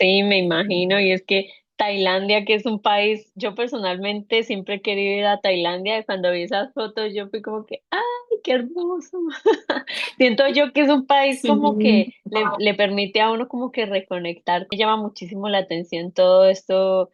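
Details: Adult woman speaking Spanish; ordinary speech.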